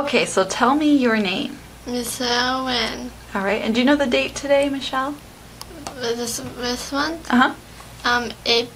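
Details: Adult clinician and adult patient in conversation; speech.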